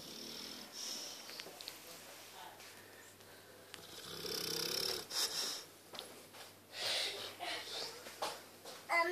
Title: funny boxer dog snoring